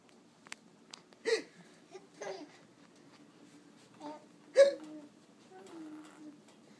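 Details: Brief, sharp, irregular hiccup catches with a short squeal or laugh after some, in a quiet room; infant laughing at his own hiccups; ordinary infant hiccups.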